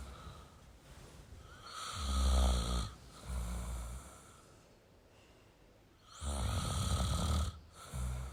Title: Male Snoring Sound toYou don't feel alone